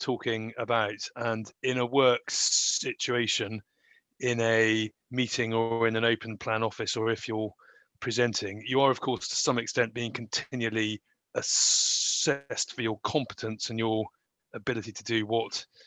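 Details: Adult who stammers, speaking in real life about his own experience; stammering.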